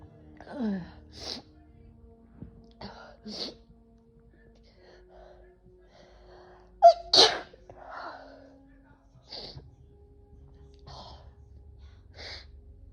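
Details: A run of several sharp sneezes, one much louder, with gasps, whining and soft music behind; a sudden sneezing and coughing episode, possible allergies though the cause is unknown.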